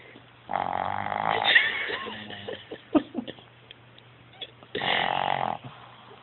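Two loud, rough snoring breaths separated by brief soft noises; snoring.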